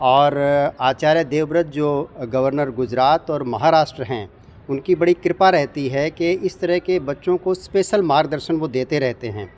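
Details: Adult man speaking Hindi; normal speech.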